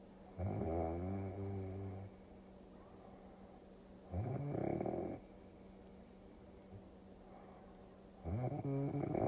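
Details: Three low, rattling snores about four seconds apart over a faint steady background hum, played as a relaxing sleep-aid recording; snoring.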